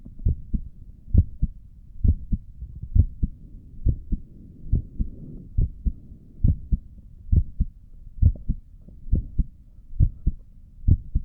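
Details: Normal heartbeat recorded by stethoscope from a person sitting at a desk for five minutes, with a visible neck pulse.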